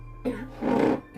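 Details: Cough after drinking a very spicy ghost pepper cola: a short voiced cough followed by a louder, harsher throat-clearing cough, an irritant cough.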